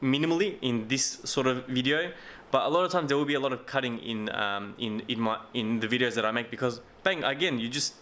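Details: Adult male with a self-described mild stutter or stammer, not a bad one, with getting stuck for words, mumbling, slurring and fast speech; stuttering.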